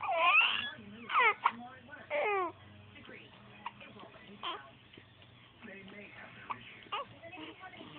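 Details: Baby girl who has hiccups and seems scared of them: short wailing infant cries and whimpers with pauses between, quiet room hum behind; an ordinary baby cry.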